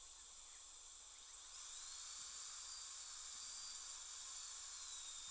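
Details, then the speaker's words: Dental handpiece with water spray gently removing composite from an upper all-on-4 implant prosthesis with a fractured denture flange during lab repair: high-pitched steady whine with hissing spray, pitch shifting slightly; dental drill. "so even though my mirror is well out of the spray water spray area so we can keep that just the way it is and just going to just gently ever so gently remove the composite"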